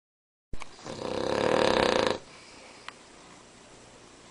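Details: Cavalier King Charles Spaniel, unusually loud snorer: one long, loud, rough snorting snore building then stopping abruptly, quiet room after; snoring.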